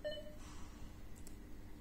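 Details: MedRena UniFusion VP50 infusion pump beep tone, played while its sound volume (10 levels) is being adjusted in the settings: one short electronic beep at the start, then low room hum.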